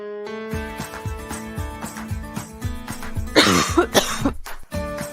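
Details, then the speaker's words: A short burst of coughing over upbeat music in a children's hygiene cartoon, simulated; cough. "When we cough, sneeze, or sniff, we should cover our mouths and noses to keep germs from spreading."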